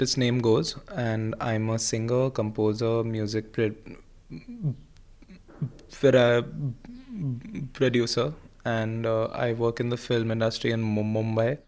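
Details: Stuttering (stammering, described as neurological, a tense struggle to get words out) in a 26-year-old man who works as a singer, composer and music producer.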